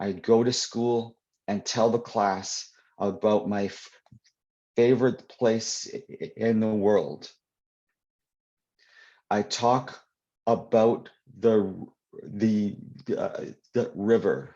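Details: Adult male poet who stutters, reading aloud from his children's book about his own stutter; audible whole-word repetitions and prolongations; stuttering (whole-word repetitions and prolongations)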